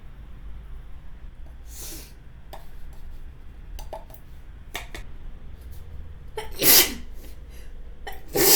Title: Mono's Runny Nose and Sneezing Attack from Pepper (Sample High Quality)